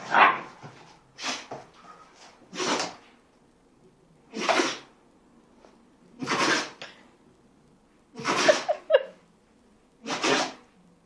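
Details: A Patterdale terrier, filmed while playing with another dog, has a sneezing fit: six or seven sharp, explosive nasal bursts a second or two apart.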